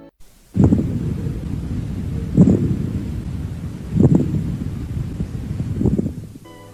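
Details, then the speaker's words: Coarse, grating, low-pitched rubbing with each breath, heard on both inspiration and expiration over the zones of maximal chest expansion during lung auscultation: a pleural friction rub. "el roce pleural superficial por gente jazz pero se escucha tanto una espiración como la inspiración y se escuchando las zonas de máxima expansión"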